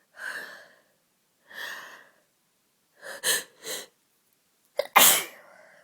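Several breathy in-breaths build up, then a sharp explosive sneeze.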